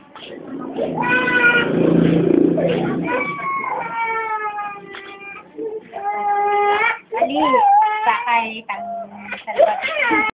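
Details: Loud, high-pitched infant crying in repeated wailing bursts with brief catches of breath; an ordinary infant cry.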